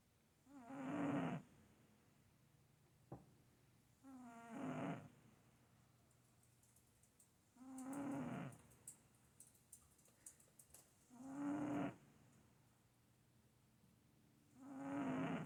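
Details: Sleeping cat snoring: soft, regular snores at about 17 a minute, each a brief buzzing breath in with quiet pauses between.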